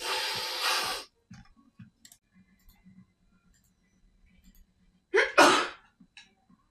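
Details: Woman sneezing, tagged allergic rhinitis: a sharp breathy sneeze-like burst, quiet breaths, then a two-part sneeze with an in-breath and explosive release.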